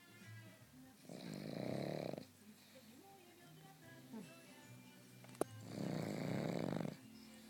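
A small dog gives two long, buzzing snores about four seconds apart in a quiet room: snoring.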